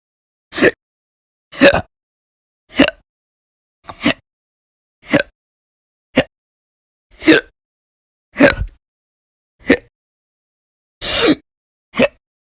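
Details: Persistent hiccups: eleven short, sharp hiccups a little over a second apart, about 53 a minute, with silence between.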